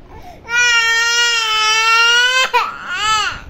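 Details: One long, loud, sustained wail, then a shorter cry after a quick breath: a young child crying.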